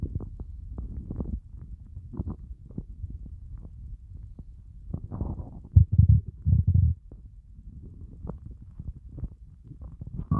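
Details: Stomach growling after a fast of over 30 hours: low, irregular gurgling and groaning rumbles with a few louder drawn-out growls; hunger borborygmi, a normal bowel sound.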